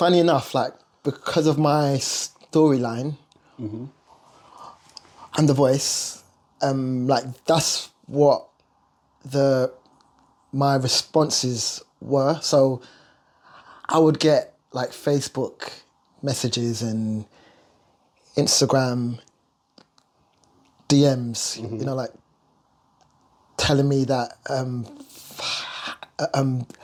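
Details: Lifelong stuttering (stammer) in an adult male singer who says he struggles on words and stutters more when nervous or talking about himself.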